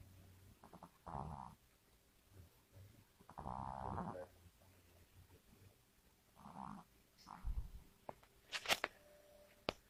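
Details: Soft, rhythmic snores about every three seconds, roughly 20 a minute, in a quiet room; snoring.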